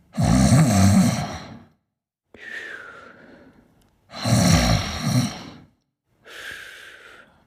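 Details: Sleeper with two loud rattling snores on breathing in, each followed by a softer whistling breath out, about 16 breaths a minute; regular snoring.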